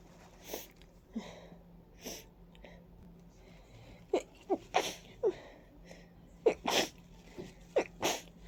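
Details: Very stuffy, congested person with a runny nose and watery eyes, attributed by them to ragweed and dust: a run of loud, explosive, wet sneezes with short breaths between.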